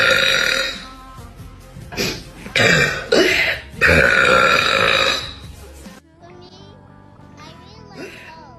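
Several loud, drawn-out belches in a row, with music playing in the background; voluntary burping.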